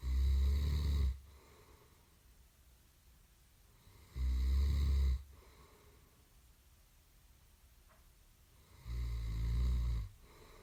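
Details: Royalty-free recording of fairly loud snoring: three loud, rumbling, low-pitched snores roughly every four seconds, about 14 per minute, with quiet breathing between them.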